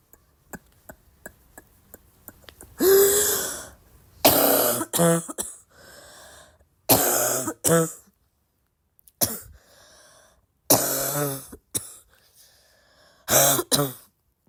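A fit of about ten hard, harsh, voiced coughs with a barky, throaty quality and short pauses between.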